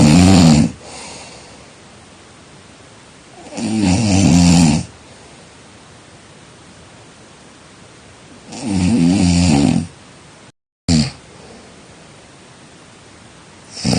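Loud, rattling snores on each in-breath, about 14 a minute, with quiet pauses between them.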